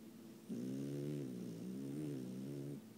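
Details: French bulldog snoring while sleeping: a low, droning, humming snore lasting a couple of seconds.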